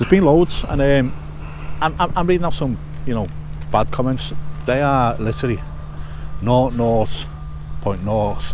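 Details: Adult male with a self-reported stutter since childhood, quite bad at school, which he believes is confidence-related; genuine stuttering.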